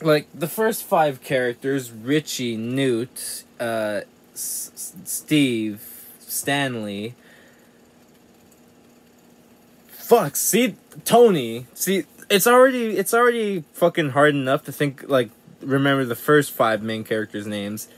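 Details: Young man with self-described very bad stuttering.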